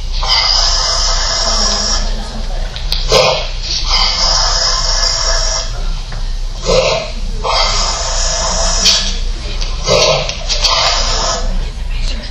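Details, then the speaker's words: Labrador collapsed on a walk in 90-degree heat, recent bark change, cyanotic; loud, harsh, high-pitched gasping breaths like sucking air through a tiny straw, with mouth smacking: inspiratory stridor from laryngeal paralysis. "it sounds like he's trying to suck air through a little tiny straw so he has laryngeal paralysis which is very common in Labradors specifically middle to older aged Labradors"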